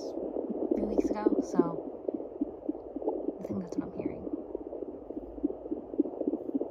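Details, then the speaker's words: Rapid, soft swishing fetal puppy heartbeats at about 220 a minute through Doppler hiss, with a brief voice, from the third puppy of a pregnant Yorkie at day 49 of gestation, earlier scanned for 3 puppies. "Tricky to find the heartbeats, but with time, patience, and practice, you'll get there."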